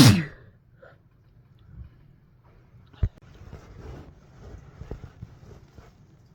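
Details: Sneeze from a compilation of mostly cold sneezes, many induced while sick: one sharp sneeze at the start, then quiet sniffing and rustling.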